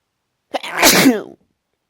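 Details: A short intake, then a single loud, voiced, strong sneeze lasting under a second, one of a run of repeated sneezes the person can't stop.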